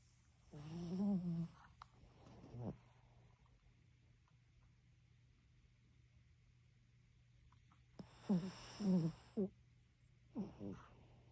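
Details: Chihuahua snoring while asleep during red light therapy; short, soft snorting snores in irregular bursts separated by quiet pauses.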